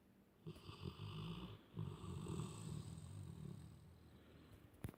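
Soft low rumbling snore with a rattly flutter over a couple of breaths from a sleeping dog; snoring.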